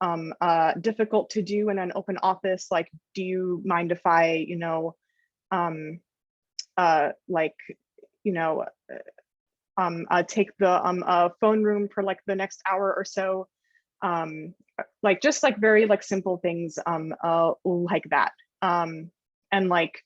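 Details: Adult woman journalist and journalism teacher who stutters, speech showing word repetitions and fillers; stuttering.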